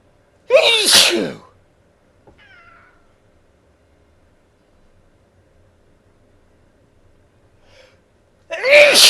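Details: Adult male with allergies in an unusually long sneezing fit, recording started by the 7th sneeze, turned away from the microphone; two loud, explosive sneezes several seconds apart with faint breathing between them.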